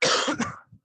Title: Acid Trips Podcast #1 Drugs, Shitty jokes and Coughing